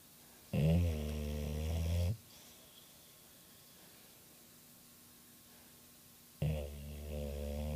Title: Diez snoring